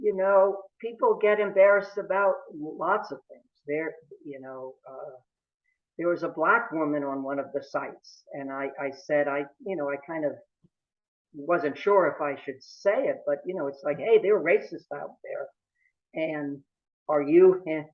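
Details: Adult male who has stuttered since about age 2 or 3, with family history of stuttering in father and brother; stuttering.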